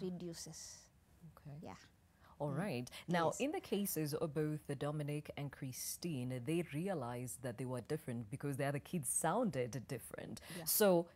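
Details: Adult woman speaking; fluent speech.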